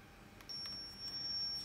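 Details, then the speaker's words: Steady high-pitched electronic tone rising as a Zoll R Series Plus defibrillator charges to 30 joules in manual mode during a test-mode check with a test lead; normal charging tone. "I've selected 30 joules and now I have to charge it so I'm clicking the charge for them"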